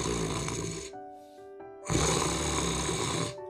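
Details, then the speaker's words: Simulated snoring by a sleep specialist imitating the nasal-obstruction type, with the upper nose blocked: two rough, rasping nasal snoring breaths; snoring from nasal obstruction. "아, 그러면 이쪽 코 위쪽이 좀 막혀 있구나 하는 거고요."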